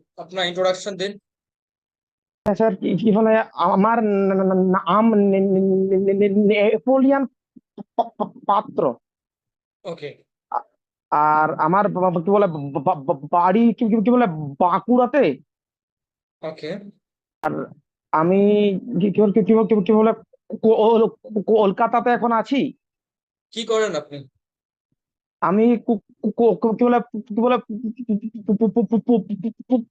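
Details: Stuttering in an adult man, recorded before online stammering training; trainer says on day one he stammered a lot, repeating the first letter of words.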